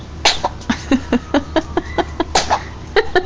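A rapid run of about fourteen short, sharp bursts of air in three seconds, heard as a fit of repeated sneezes.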